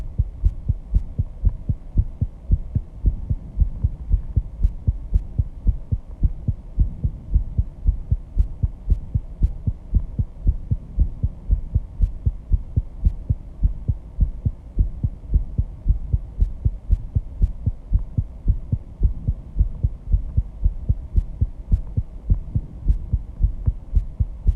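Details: Fast, forceful heartbeat at 134 bpm after intense exercise, with heavy breathing; loud enough to hear without the microphone at first. Sinus tachycardia after exercise.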